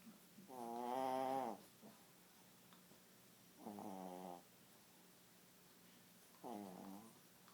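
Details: Romy: three loud, voiced, rumbling snores, each about a second long, spaced a few seconds apart in a quiet room; ordinary snoring.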